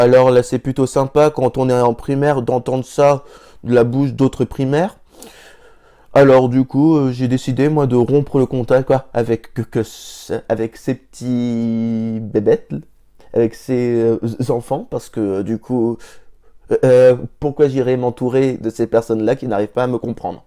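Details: Stuttering in an adult French-speaking male who has stuttered since at least primary school, with blocks and hesitations coming without warning, sometimes mid-sentence; stuttering.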